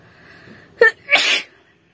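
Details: Acted sneeze for a sneezing challenge: a quick sniff followed by one loud, breathy sneeze.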